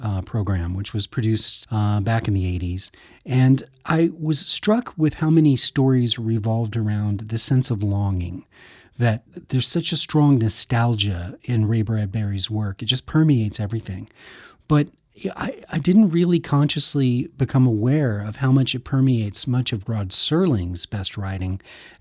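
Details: Adult male speaker; normal speech.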